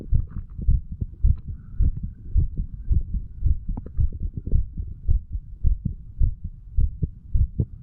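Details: Heartbeat of a 35-year-old standing male recorded over the mitral, tricuspid, pulmonary and aortic valve areas and the right ventricle; regular, clear lub-dub at about 107 beats per minute with a faint hum; normal heart sounds.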